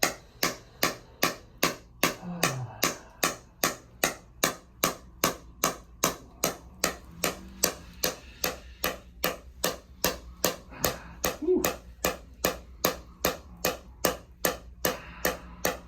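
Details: Radial shockwave therapy pulses: steady sharp tapping clicks about 150 a minute, with faint voices, during a second session on the left SI joint, hip and lower back of a runner with nerve damage and left hip pain.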